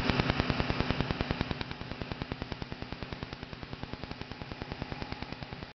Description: laser tattoo removal arm Arizona